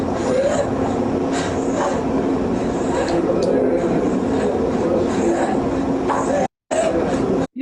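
A faint continuous musical tone runs through noisy breath sounds, a wheeze from narrowing of the lower airways.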